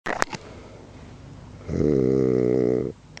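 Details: Sleeping man whose snoring keeps others up all night: a single loud, buzzing inhaled snore of about one second after a few clicks and quiet breathing; snoring.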